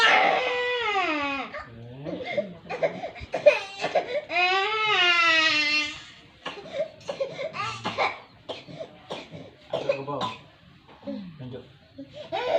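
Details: Infant with a long-lasting cough, recorded during a baby massage session meant to help: wailing cry with a few short coughs mixed in.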